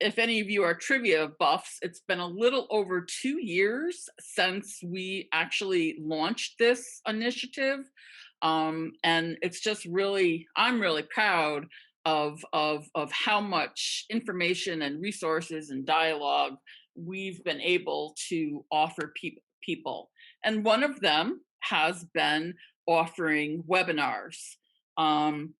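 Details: Real stuttering in a person who stutters, speaking with word repetitions; finding: stuttering.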